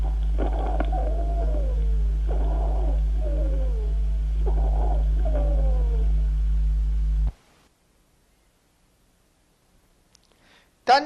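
Three breaths, each carrying high, whistling, musical tones that slide in pitch over a steady low hum: wheezes.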